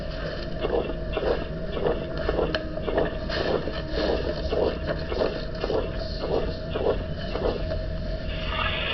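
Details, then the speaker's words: Harsh heart murmur from a lecture on murmur characteristics: high-gradient, large-volume flow produces high and low pitches simultaneously, giving a rough, grating, serious-sounding murmur repeating with each heartbeat over a steady background hiss. "Finally, here is a murmur that many clinicians would describe as harsh."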